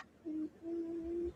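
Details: Small dog asleep on owner's arm, snoring with two steady, whistling, hum-like breath sounds, one short and one longer; owner says these dogs can't breathe well.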